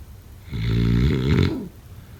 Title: #snoring #snoringasmr #snoringsleepingsoundeffect #snoringsounds